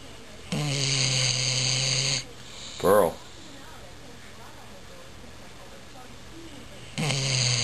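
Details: Awake dog making snore-like noisy breathing: two long, loud, buzzing breaths with a short squeaky sound between them.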